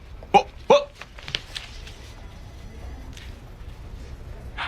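Two abrupt, loud yelp-like vocal bursts close together, then a few softer clicks in a quiet room: acted involuntary vocal tics of Tourette syndrome.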